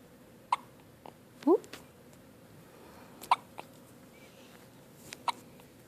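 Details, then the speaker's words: Hiccups on the first morning home after a good night: repeated small, sharp hiccups at irregular intervals, about five in six seconds, with faint room noise. "Hey. All right. You got the hiccups?"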